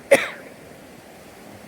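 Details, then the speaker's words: A single short, sharp cough from an adult woman with a year of gut problems and bloating, which she describes as a horrific cough, followed by faint room noise. "so all this stuff with my gut health affected my energy hear that horrific cough irritability"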